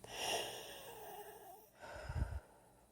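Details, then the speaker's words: Adult patient on day 2 of radiation therapy, with airway inflammation after a stent was removed: a noisy breath in with a faint whistling edge, then a short breath out; mild inspiratory wheeze. "when I breathe in, you can hear a slight wheeze. Little wheeze."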